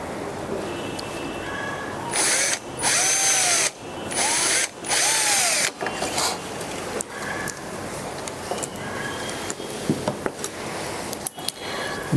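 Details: Orthopaedic skills and simulation lab, fracture-fixation teaching: bursts of high whining surgical power drill starting and stopping, with clicks, boring through bone with a 3.5 drill bit.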